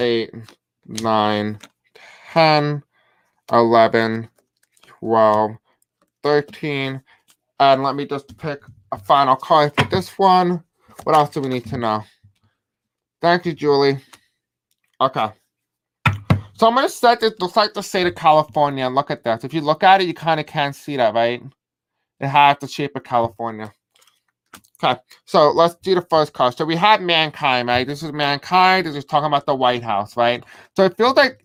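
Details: Deaf male speaker with a self-described deaf accent who reports difficulty pronouncing certain words; deaf speech.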